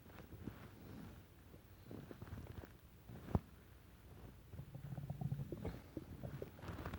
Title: Stomach rumble